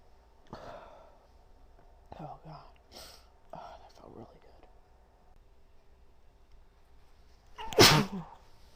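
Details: Woman sneezing into tissues, sneeze triggered by bobby pins: several breathy catching inhalations build up, then one loud, explosive sneeze near the end.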